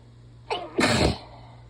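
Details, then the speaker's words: One loud, half-stifled sneeze from a congested, sick person soon after nose-blowing: a short intake of breath, then a forceful burst. "I usually have like about a minute or two after I blow my nose before I start sneezing it again and I can feel it yep oh I'm sneezeman I didn't have time to say anything"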